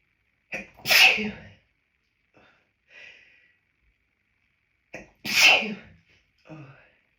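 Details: Two forceful sneezes, each with a sharp in-breath before and a small trailing sound after; repeated hay fever sneezing after long stifling outdoors, recorded in a toilet cubicle, with the nose feeling full of pollen.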